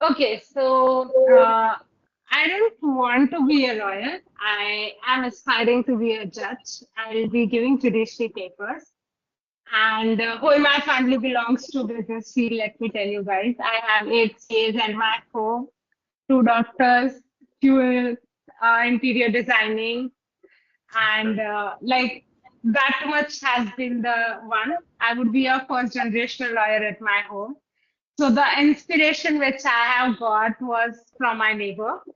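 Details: Young adult woman; speech.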